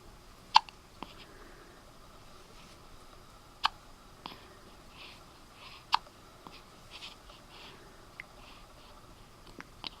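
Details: Infant boy with hiccups, said to have hiccupped like this a lot before birth: three sharp, sudden hiccup clicks a few seconds apart, faint rustling, quiet room.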